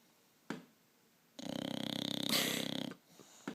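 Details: Bulldog snoring: a single fluttering, rattling snore lasting about a second and a half in a quiet room.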